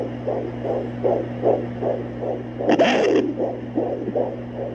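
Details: Doppler fetal heartbeat at almost 17 weeks of pregnancy: fast, regular whooshing beats, about 150–160 a minute, over a steady electronic hum, with one brief scrape; fetal heartbeat.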